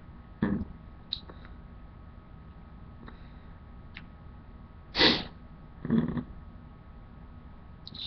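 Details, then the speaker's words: Sneezes deliberately induced with a Q-tip: three short, sharp bursts of air through the nose and mouth, separated by quiet room noise. "So, okay. Let's get a few more sneezes in, and then, yeah."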